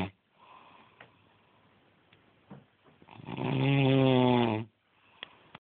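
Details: A sleeping adult: one loud, rough, buzzing snore on a breath in, between quieter breaths with faint room noise; snoring.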